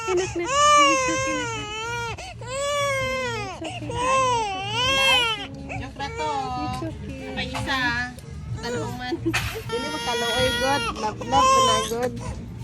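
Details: Baby during ear piercing: loud, sustained, wavering crying with sobbing breaths and a voice or music in the background; a pain cry.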